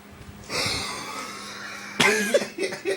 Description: I couldnt stop coughing and then it got worse and weirder